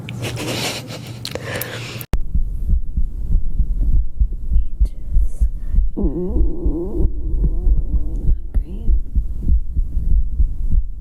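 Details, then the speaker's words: Low rumbling, gurgling stomach growls with a brief rising tone in a hungry person who has not eaten that evening; borborygmi. "I haven't eaten tonight. As you can hear. I'm so hungry."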